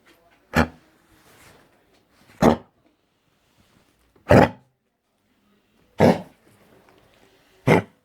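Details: Dog with canine influenza coughing: five harsh, dry honking bursts about every two seconds in a small room; canine cough.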